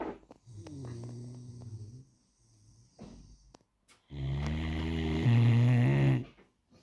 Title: Great Dane Mr Bjorn snoring 😴